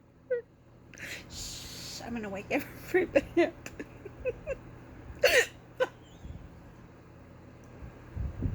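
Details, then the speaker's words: Person who normally rarely hiccups, in an unusually long bout, reporting aching arms: several abrupt, short hiccup gulps with breathy sounds between them in a quiet room; hiccups. "I always say that it's not fun to have the hiccups because they only did it a couple of"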